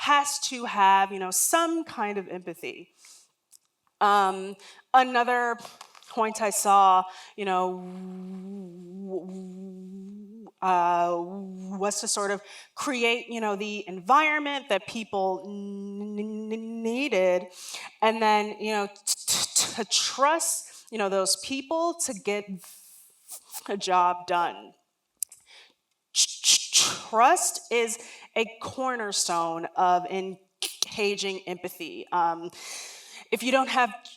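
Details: Adult woman, a lifelong stutterer, speaking during a talk; real, not acted: stuttering.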